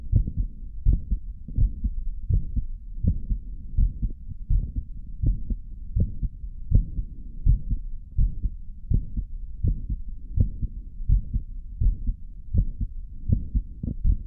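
Regular low thumping heartbeat at about 82 beats a minute, recorded after caffeine; steady rhythm with no extra sounds.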